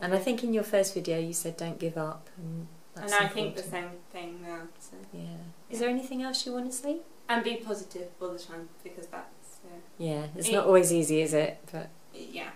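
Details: Adult woman speaking; typical speech.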